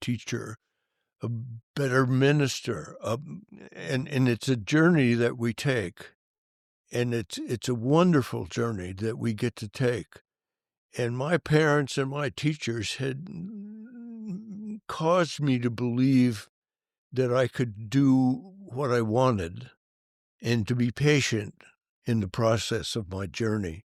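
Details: Adult man with stuttering that was severe in youth and that he says persists into adulthood; stuttering.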